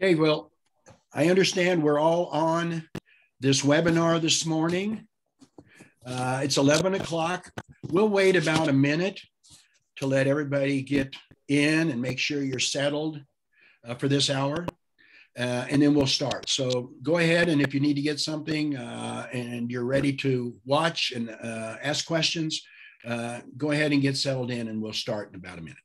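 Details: Adult man speaking; ordinary speech.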